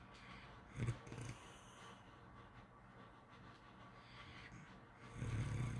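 Two low, fluttering snores separated by quiet breathing; soft snoring during sleep.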